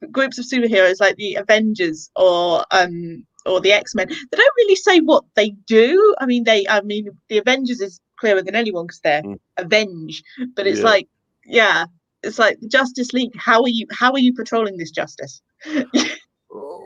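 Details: Adult speaker, likely female; ordinary speech.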